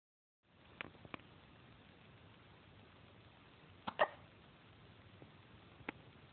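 Several brief, sharp hiccup sounds at uneven intervals over steady background hiss.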